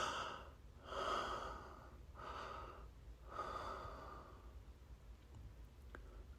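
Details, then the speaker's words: Four slow, loud, airy breaths through the nose, then quieter breathing: heavy deep breathing about four and a half minutes into a 5-minute dental impression set, the tray almost set. "remember not to stop breathing during the five minutes you got to keep breathing deep during the five minutes through your nose or mouth or both uh Parts at the same time nose and mouth okay"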